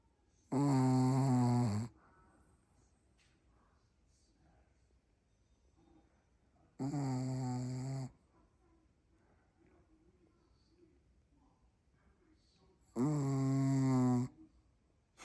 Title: The dog that snores